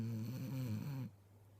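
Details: Ten-year-old Wheaten Terrier sleeping between his owners, a low, rumbling, fluttery snore lasting about a second before fading to quiet room sound: snoring.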